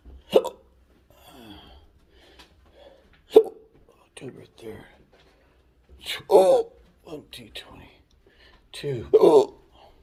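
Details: Intractable hiccups with choking spasms, Oct/Nov 2022; episodes last hours and are worsening; repeated sudden sharp hiccups about 20 a minute with strained throat noises and muttering.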